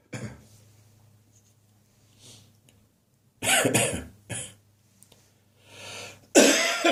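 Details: Adult's recurring summer-morning cough, with a history of chest infections: several harsh, loose coughs separated by breaths, a wet, catarrh-laden productive cough.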